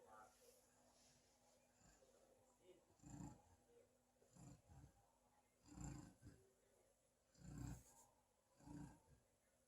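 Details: Sleeping black female East European Shepherd dog giving soft, low rumbling snores every second or two under steady room hum; snoring.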